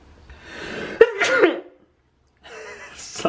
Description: Our human sneezed and startled me while I was exploring the bathroom sink.